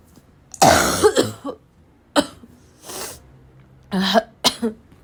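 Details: A series of about five harsh, forceful, barking coughs with throat clearing between them; coughing hard as if choking on the cough.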